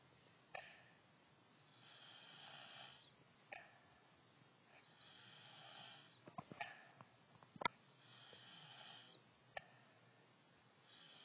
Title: a cute sort of snore